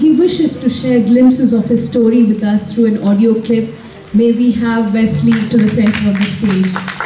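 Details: Adult woman, emcee on stage; ordinary speech.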